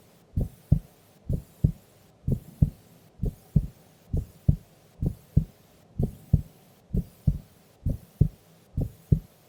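Steady lub-dub heartbeat at about 65 beats a minute in a sleeping adult, with no extra sounds.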